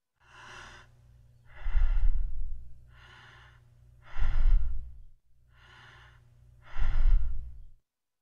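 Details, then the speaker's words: Normal eupneic breathing pattern presented as a teaching baseline: three even breath cycles, quiet inhalations and louder exhalations, about 24 a minute. "first we'll have to be familiar with the normal breathing pattern jupne and this will be our baseline and it goes something like"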